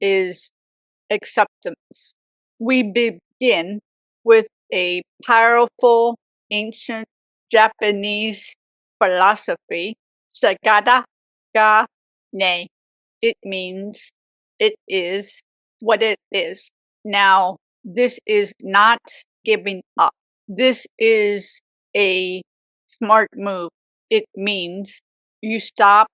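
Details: Aphasia in a woman 18 years after a severe stroke at age 44; speech shows grammatical errors and word substitutions.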